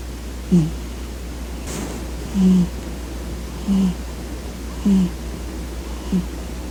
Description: Gandalf the Great Cat takes a nap on my legs as I wake up. I think he has the sweetest quiet snoring sound!